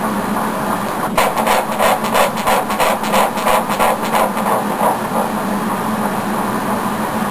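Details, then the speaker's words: Fast, rhythmic whooshing fetal heartbeat on Doppler at about 180 a minute, heard early in pregnancy, fading as the baby moves out of range. "can you take it exciting yay that's nice to hear it cuz usually this early we can't oh come on"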